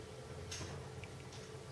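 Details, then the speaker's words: Faint, soft clicking first and second heart sounds over a low room hum, from a demonstration about heart sounds in coronary stenosis before angioplasty. "When they do angioplasty, when they modify the stenosis, that strange noise disappears. So what was happening, this is the first heart sound."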